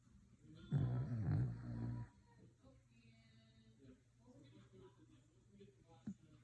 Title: Listen to this dog snore